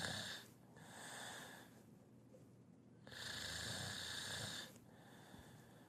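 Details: Person snoring loudly: hissing, rasping breaths in and out with a noisy, whistling edge; heavy snoring.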